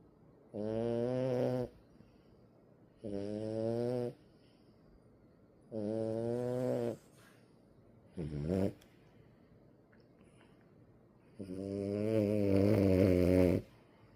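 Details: A French bulldog puppy under one year old, asleep, gives five loud, deep, rumbling snores with regular pauses between breaths, sounding like an adult man; snoring.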